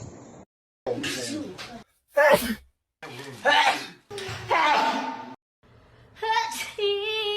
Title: sneeze power video #sneezing video funny funny #sneeze compilation funny sneeze tiktok